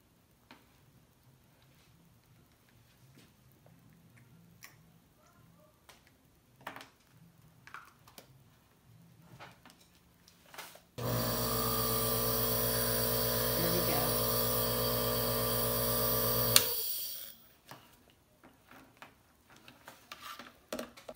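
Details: Nebulizer compressor used for asthma, run with a new atomizer: quiet handling clicks, then a loud steady buzzing hum for about six seconds before it stops.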